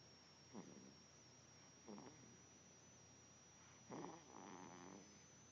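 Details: Sleeper snoring: soft snoring breaths about every two seconds, with a fluttering rattle on some breaths, over a steady high background whine; snoring.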